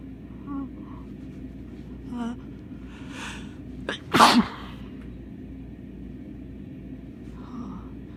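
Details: Bad cold: small catching breaths build up to one sharp, forceful sneeze, followed by a quieter sniff; sneeze.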